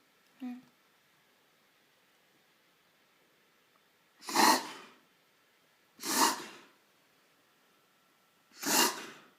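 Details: Greyhound (dog) reverse sneezing, also called the mechanosensitive aspiration reflex: three loud, harsh nasal snorts a few seconds apart.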